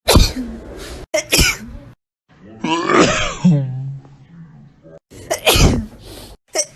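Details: Several loud, explosive sneezes with a drawn-out voiced build-up between them; ordinary sneezing.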